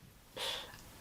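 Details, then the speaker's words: A single sharp, hissing burst of air from a dog's nose: one ordinary sneeze against a quiet room background. "That's me dog there having a sneeze if you can hear him."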